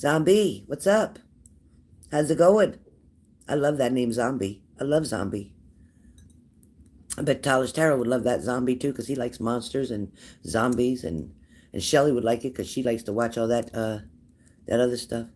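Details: Woman whose thyroid nodule presses on her vocal cord, voice not recovered after two years off smoking, slightly better before the nodule; low-pitched, creaky voice from vocal cord compression by a thyroid nodule.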